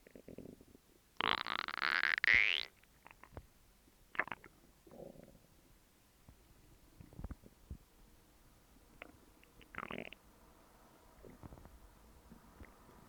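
A loud gurgling rumble, then scattered softer gurgles and pops over quiet background; ordinary stomach growling from gut contents moving.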